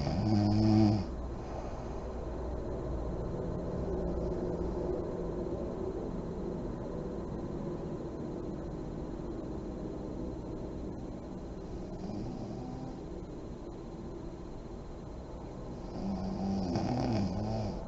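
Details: Adult woman (a mother) asleep with lights on, described as deep REM sleep: low steady rattling breath noise through most of the clip, with a louder snore near the end; snoring.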